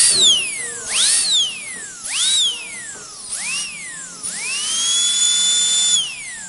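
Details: Dental drill sound-effect recording: shrill whine repeatedly speeding up and slowing down, ending in a sustained run.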